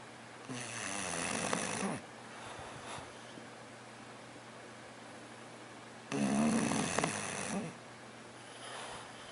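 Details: English Bulldog in a deep sleep snoring: two long, loud, rattling inhaled snores with quieter breathing between; snoring.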